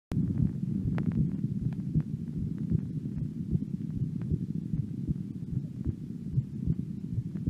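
Muffled low thumps at about 77 a minute over a steady low rumble: a normal resting heartbeat.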